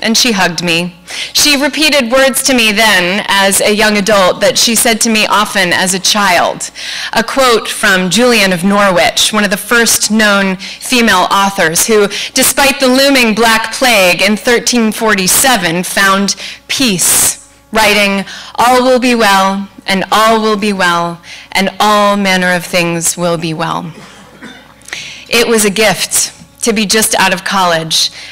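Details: Adult woman speaking; normal speech.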